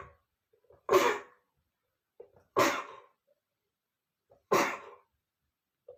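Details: Male sneezing, triggered by dust: three forceful sneezes about two seconds apart, each preceded by a short catching in-breath, in a quiet room.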